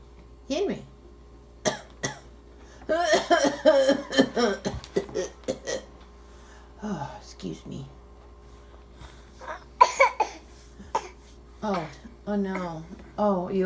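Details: Young child coughing on 3/30/17, between adult talk in a small room: several short coughs and throat-clearing sounds; adult calls it a bad cough.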